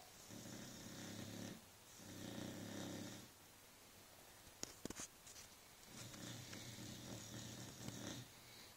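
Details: Dog snoring: slow, rough snores on each inhalation with quiet pauses between, followed by a few brief clicks and shuffling sounds.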